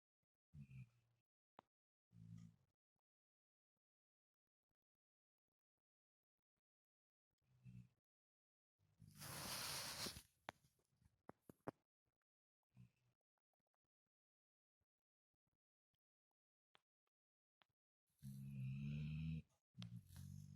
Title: Zuzu snoring